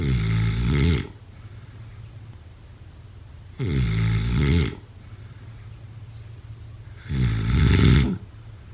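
Deep, rumbling snores on each in-breath, about 17 a minute, slightly irregular, with quiet pauses between; ordinary snoring.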